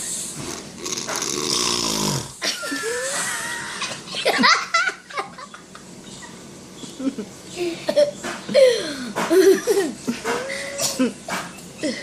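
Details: A sleeping man (dad) snores harshly with a rattling sound after Christmas drinks, followed by laughter from people nearby; onlookers wonder whether he is faking.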